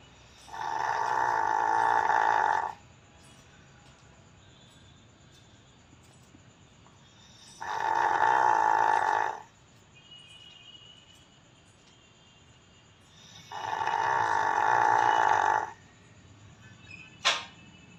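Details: A dog in deep sleep snoring like a human: three long, loud rasping snores about six seconds apart, roughly ten a minute, with quiet between.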